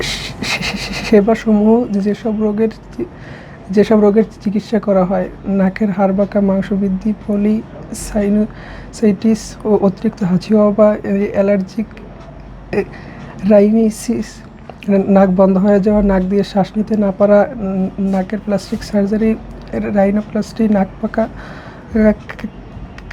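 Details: Male madrasa student reading aloud at an ENT clinic, reporting his speech gets blocked and he cannot pronounce well; doctor notes it worsens in new environments with new people; stuttering.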